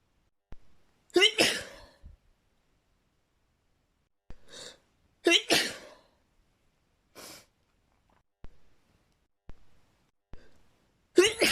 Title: sneezing fit with nose blowing 💘